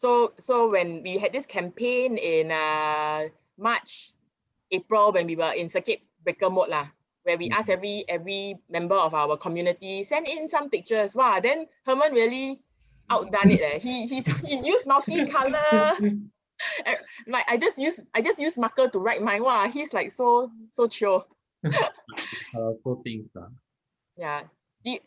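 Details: Adult speaker, likely a woman; ordinary conversational speech.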